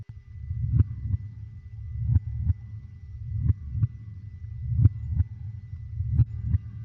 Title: HEARTBEAT SOUNDS| Help Your Baby Get to Sleep (20 min) 🖤| baby sleep #baby